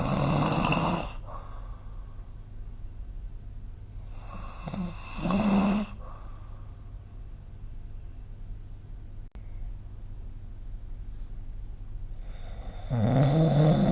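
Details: Loud rattling snores with each breath in, separated by quieter exhalation and room hum, recorded during sleep with the SnoreLab app; ordinary snoring.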